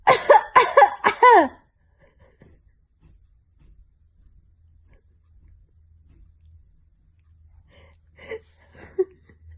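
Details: Three quick, harsh cough bursts in a row, then quiet breathing and faint sounds; the person laughs and is scared about the cough.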